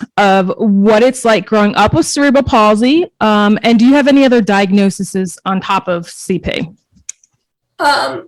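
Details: Adult woman speaking; normal speech.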